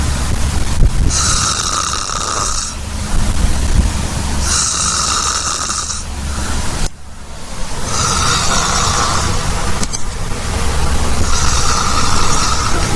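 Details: Heavy snoring: loud, rough rattling snores in long cycles over a constant low rumble.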